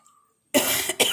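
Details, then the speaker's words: Coughing from an adult who has a fever and cough, set off while cooking when chili fumes reached the nose; the coughing made the cook step outside. "അപ്പോൾ നല്ല ചുമ വന്നപ്പോൾ ഞാൻ വെളിയോട്ട് ഇറങ്ങിയതാണ്. മുളകിൻ്റെ ഘ്രാണം ഉള്ളിലേക്ക് ചെന്നപ്പം മണം ചെന്നപ്പോൾ ചുമയായിരുന്നു, പനിയായിരുന്നു."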